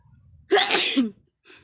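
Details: A single sharp, explosive sneeze with a hissing burst of air and a brief voiced tail, deliberately induced by tickling the nose with two sticks, with eyes and nose watering; sneeze.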